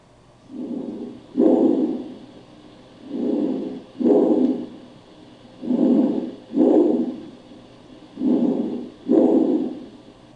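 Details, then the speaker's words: Bronchial breath sounds heard anteriorly over the trachea: loud, high-pitched, harsh inhale and exhale bursts separated by a short gap. "Murmullo bronquial. Sonido de tono agudo, intenso y áspero. Se localiza en la región anterior sobre la tráquea."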